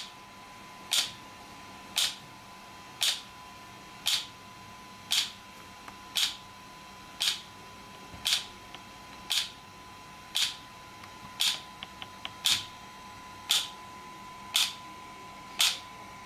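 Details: An extracorporeal shock wave therapy (ESWT) device used for muscle and bone pain relief, being applied to a patient: sharp, regular snapping clicks at about 57 a minute over a steady faint hum.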